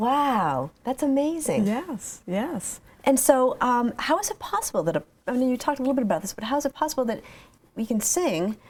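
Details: Adult woman speaking; normal speech.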